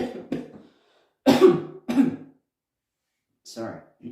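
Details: Cough from an adult man during a magic-trick video blooper.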